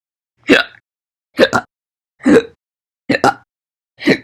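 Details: Slow hiccups recorded between 1 and 16 August 2020: five sharp hiccups about a second apart, some with a doubled catch, against silence.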